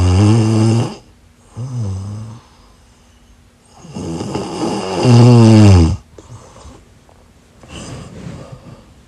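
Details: Asleep: loud, low rattling snores on breathing in, with quieter breaths between, in a quiet room; snoring.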